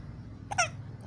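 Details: Hiccups: a single short, sharp voiced catch in a quiet room.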